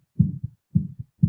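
A simulated heartbeat with quick, regular lub-dub pairs at about 110 beats a minute, a fast tempo.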